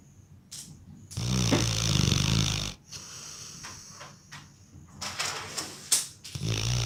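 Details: Labrador retriever snoring while asleep: a loud rattling snore on inhaling, followed by softer snorting and snuffling breaths.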